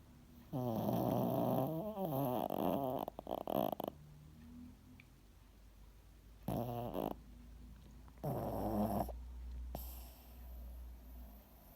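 Loud, rattling, snorting breath sounds in irregular bursts separated by quiet gaps, from a sleeping dog; snoring.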